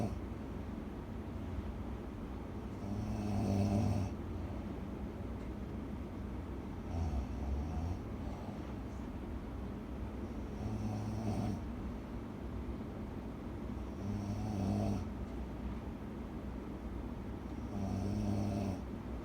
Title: Malakas na hilik Relate ba kayo 😴🤓| Snore 😴